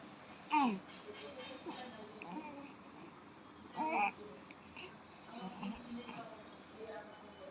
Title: 3 Months Old Baby Making Cooing Noise #shorts #cutiebabyofficial #newbornbaby #cooing